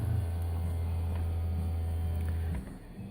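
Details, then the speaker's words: Fully automatic upper-arm blood pressure monitor inflating for a reading in a user who is usually high-normal or low-stage hypertension: steady low motor hum of the pump filling the cuff, stopping after about two and a half seconds. "And as soon as you're ready for another reading, you'll just hit the start. It'll go through its process. Right now it's airing up, in case you couldn't hear it."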